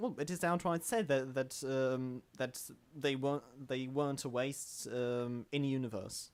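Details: Man who self-identifies as a stammerer, in natural conversational speech with word and phrase repetitions; stuttering.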